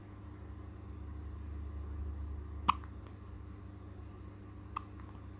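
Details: Infant hiccups: two sharp, brief hiccup sounds about two seconds apart in a quiet room with low hum.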